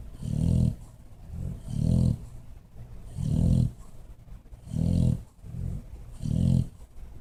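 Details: Bulldog napping behind a chair: deep, rhythmic rumbling snores with softer snorts between them, about 20 breaths a minute; snoring.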